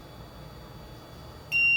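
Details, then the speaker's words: LTV ventilator being turned off by holding the on/standby button, patient being bagged manually before a circuit change: faint room noise, then a steady high electronic standby beep, silenced with silence reset. "and when the vent starts beeping, you just push silence reset. And now the ventilator is completely off, and now you're okay to change the circuit."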